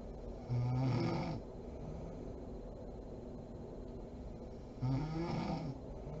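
Two loud rattling snores on in-breaths with quiet breathing between; ordinary snoring during sleep.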